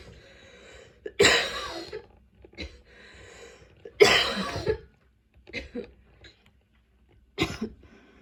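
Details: Several harsh, forceful coughs in bouts with throat clearing between them in a small room, from a person whose persistent cough continues despite medication; coughing fits.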